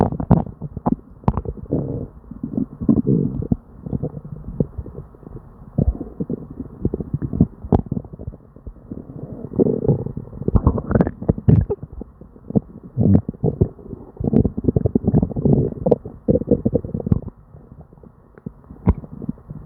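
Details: Hyperactive bowel sounds (borborygmi) from a person with diarrhea and an upset stomach: near-continuous gurgling and rumbling abdominal noises with frequent sharp pops.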